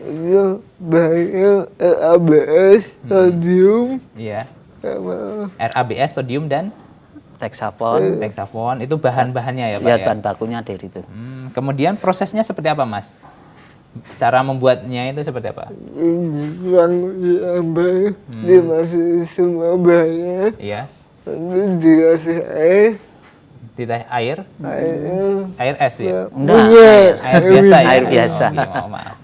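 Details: Adults in conversation; conversational speech.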